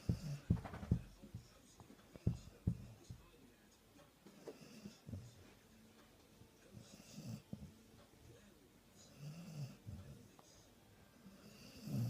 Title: Sprollie dog snoring loudly Christmas Day